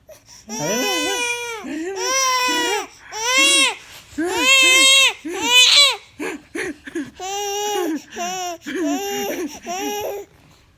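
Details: Baby startled and upset by the father sneezing: loud, high-pitched crying in repeated wails and sobbing catches in a small room; infant cry.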